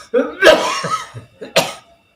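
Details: Older adult with a lung illness, coughing and short of breath, gives two harsh voiced cough bursts, a longer one then a shorter one.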